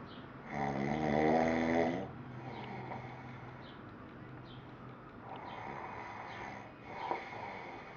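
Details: Adult male (father) snoring during sleep: a loud, rough, vibrating snore on the in-breath, followed by quieter noisy breathing with faint snore sounds; ordinary snoring.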